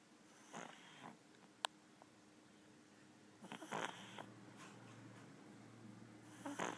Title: Snoring pug